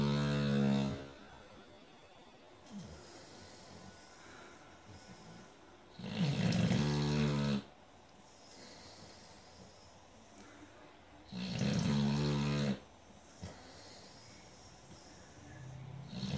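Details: Sleeping Boxer dog snoring: loud, rumbling snores on three slow breaths, about 11 a minute, with quiet exhalations between.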